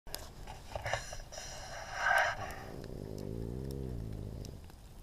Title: Watch this all day on loop.......Minus the snoring dude replace audio track.